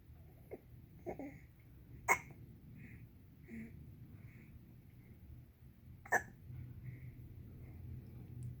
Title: 061620 baby hiccups and drools during tummy time